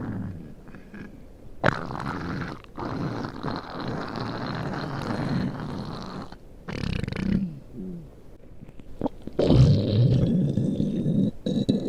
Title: my stomach growling